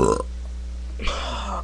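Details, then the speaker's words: A kid's voluntary burp: one loud, deep belch trailing into a lower rumble. He says he is tired, his stomach is upset, and he can usually burp longer. "crap didn't work that time hold on us I'm just really tired my stomach's upset usually I can burp a lot longer"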